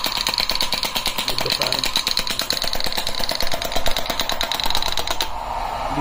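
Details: Portable electromagnetic digital shockwave therapy device (SW18, touch screen, 10 treatment areas incl. elbow, knee, shoulder, hip, ED, foot) running after energy and frequency set: rapid steady mechanical tapping with motor-like buzz, stopping near the end.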